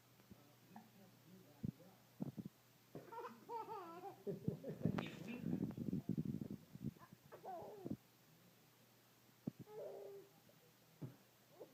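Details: A child laughing in voiced bursts is broken by several sharp, abrupt gulping catches: hiccups occurring during laughter in a small quiet room.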